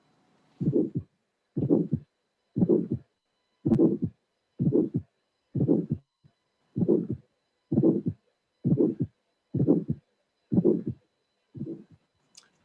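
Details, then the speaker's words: Bicuspid aortic stenosis heard in an auscultation teaching test: first heart sound, early ejection click, harsh systolic ejection murmur, normal second heart sound, regular rhythm near 62 per minute. "and you have a first sound ejection click systolic normal second sound so this is a a backups with arctic stenosis"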